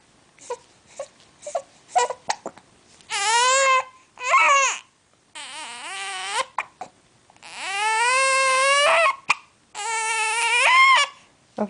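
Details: Infant boy with hiccups cries after being startled with a "Boo!" meant to cure them: short catching breaths, then repeated drawn-out wailing cries.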